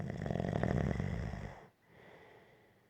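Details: Gentle snoring: a single low, fluttering breath noise that fades into quiet.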